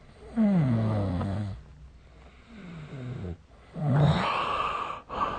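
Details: Sleep recording made with a snoring app: groaning, rattling snores from a sleeping adult, uneven in pitch and loudness, with a snort-like final breath; snoring.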